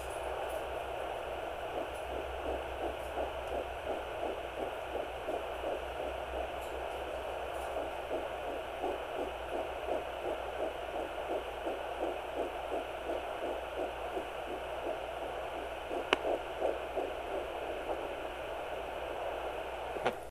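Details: Fetal heartbeat at 9 weeks of pregnancy, recorded with a Sonoline B Doppler: fast, steady whooshing pulses at about 165–170 beats a minute.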